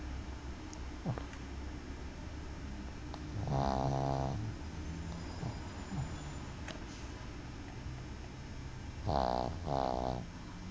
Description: This is my dog (BB) snoring after a long day